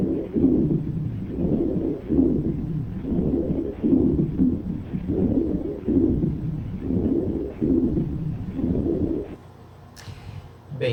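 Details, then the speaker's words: Lung auscultation of a hypersecretory patient: low, coarse, snoring-like rhonchi filling both inspiration and expiration, from secretions in the airways. "então aqui a gente tem um clássico característica do divino hipersecretivo com roncos de novo é como se fosse um rosto mesmo"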